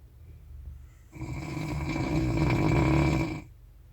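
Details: Person snoring on a train to Anapa, recorded 3 July 2022: one long, loud, rattling, low-pitched inward snore lasting about two seconds, then quiet.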